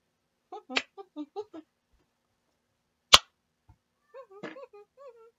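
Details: Brief bursts of humming and clipped voiced sounds with a sharp click, vocal tics of Tourette syndrome, produced while the person tries to hold still for the "don't move challenge".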